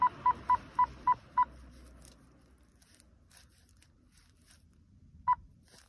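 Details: OT-707 infusion pump power-on check: six quick beeps, a pause, then a single beep.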